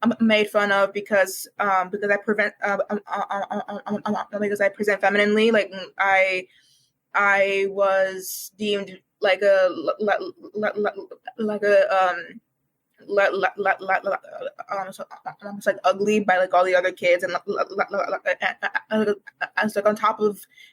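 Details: Developmental stuttering present for as long as the speaker can remember, in a university student who began speech therapy in kindergarten, with frequent repetitions and fillers.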